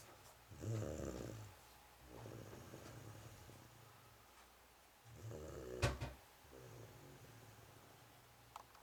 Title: Snoring Cat